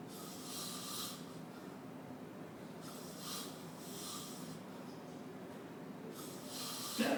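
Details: Person snoring on a New York City subway train: slow, regular noisy breaths with hissy rattling on each breath over steady train rumble.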